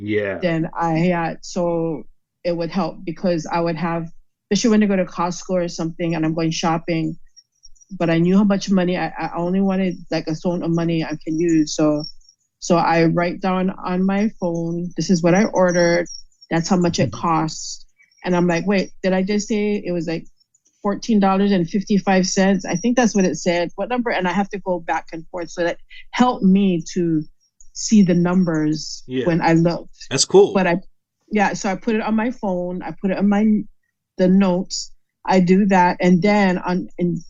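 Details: Aphasia after a stroke in a woman.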